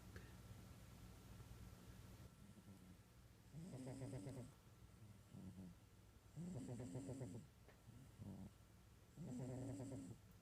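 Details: Rhythmic, raspy snoring from a fat cat napping, three loud fluttering inhalations with softer snorts between, about 21 breaths a minute, over a low steady room hum: snoring.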